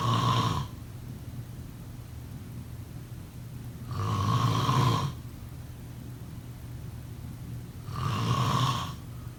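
Three loud, rough inspiratory snores about four seconds apart, roughly 15 per minute, with quiet breathing between them. Snoring.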